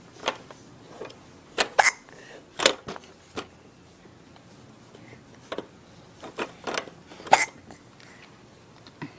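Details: 4-month-old baby playing in an Exersaucer with short, sharp hiccups repeating at irregular intervals in a quiet room.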